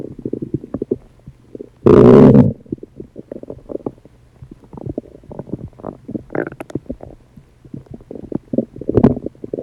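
Loud, irregular gurgling and rumbling with one long growl: active bowel sounds from normal digestion.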